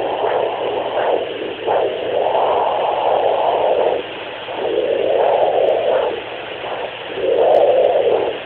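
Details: Muffled, rhythmic whooshing swells over a steady electrical hum from a handheld fetal Doppler; fetal Doppler sounds, uploader unsure what is being heard.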